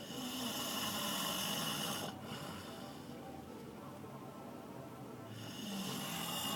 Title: Fat Guy snores part 3